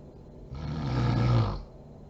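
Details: Sleeping mother: one loud, low, rattling snore that swells and fades over about a second; snoring during sleep.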